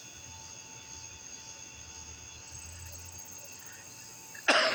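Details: Quiet outdoor night hum with faint insect-like tones, then one sudden harsh adult cough burst at the very end, cut off abruptly.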